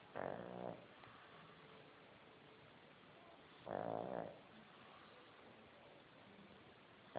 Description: This our dog snoring